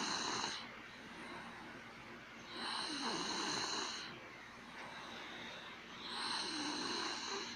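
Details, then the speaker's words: Nephews recorded snoring in their sleep: steady, rhythmic snoring, rough on each breath, about 17 breaths a minute over constant room hum; ordinary sleep snoring. "buenas noches estamos grabando a mis sobrinos por eeuu de roncando espero que les guste"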